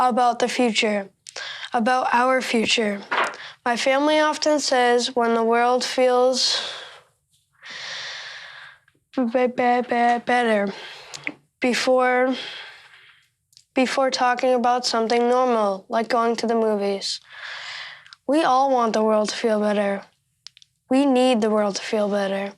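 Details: 13-year-old boy who stutters and practices by marking his text to make it easier to say aloud; stuttering.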